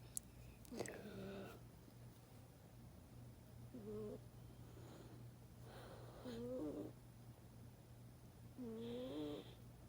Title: He’s still snoring